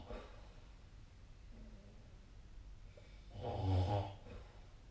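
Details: Sleep snoring recorded 2025/02/09, SnoreLab snoring app linked: one loud, rough inward snore over quiet breathing and room noise.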